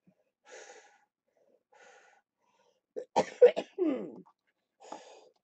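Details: Breathy huffs, then about four harsh coughs ending in a rattly, wheezy drawn-out breath: a wet, productive cough in cystic fibrosis during lower-lobe chest therapy on a live stream, with the patient reporting chest rattling.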